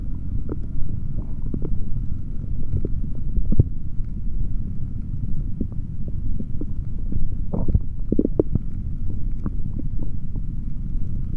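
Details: Male abdomen heard through a stethoscope after drinking a chocolate protein shake: steady low rumbling with scattered gurgles and squelches; active stomach growling, normal bowel sounds.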